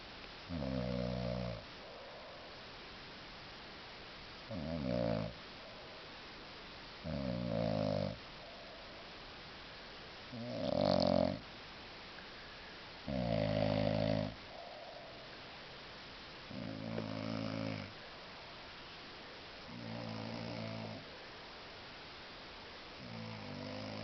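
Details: Adult man (bro), very drunk, sleeping off a heavy session: loud, rumbling snores about every three seconds, roughly 20 a minute, with quiet breathing between; snoring.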